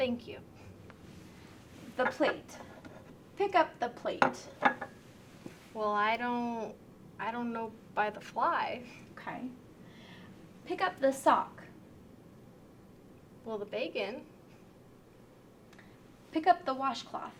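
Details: Demonstration of severe transcortical sensory aphasia during a picture description task, an acquired language disorder with impaired comprehension and intact repetition; transcortical sensory aphasia.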